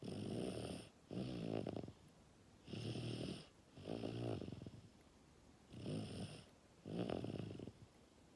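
Loud rattling snores in pairs, breathing in and out, about 22 a minute, in a quiet room.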